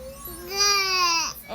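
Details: Single rising, drawn-out tonal wail from a 2-month-old infant in a quiet room, with the infant having hiccups; ordinary infant cry.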